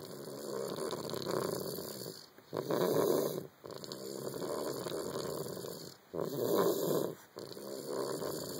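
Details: Young boy with an ear infection, later found to have croup; loud, rough snoring through each breath, about 17 a minute, the early sound before croup worsens: loud snoring, early croup.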